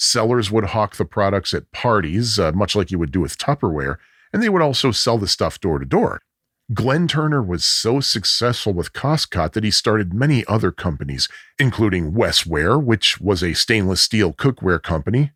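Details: Adult male narrator; ordinary speech.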